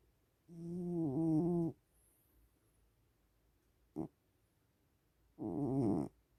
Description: Kaos snores like a man